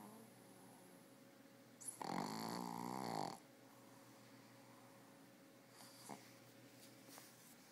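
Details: Female dog: one loud, rough, buzzing snore lasting about a second, then faint breathing over steady room hum; dog snoring.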